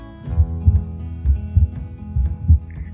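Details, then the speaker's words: Normal heart sounds, S1 and S2, in an educational explanation; S2 comes from aortic and pulmonary valve closure and is shorter, softer and slightly higher in pitch than S1. "as a result the blood flows backwards and forces the pulmonary and iotic valves closed resulting in the second half sound or dub S2 compared to the first heart sound S2 is shorter softer and slightly higher in Pitch"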